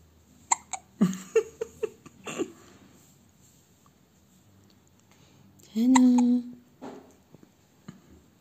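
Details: Hiccups in a one-week-old baby: a series of short, abrupt catches in the breath, then a brief vocal squeal.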